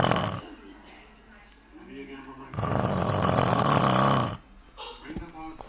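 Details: Loud, long rattling snore on the in-breath between quieter breaths, from a sleeping male who kept snoring even after his nose was squeezed; heavy snoring.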